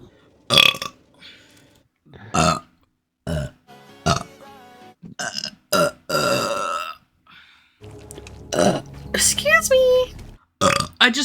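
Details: Repeated burping by a VTuber: a series of loud, drawn-out belches separated by brief pauses and vocal sounds, with faint background music.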